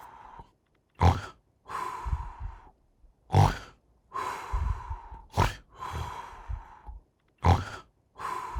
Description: Continuing with my work in depicting the body in this animation, a reclining purple spirit snores as they sleep in a reclining chair.